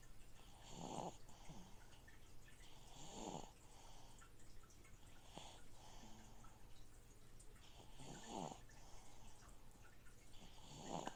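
Soft, regular snoring, roughly one snore every two to three seconds, under the steady trickle of a fish tank filter.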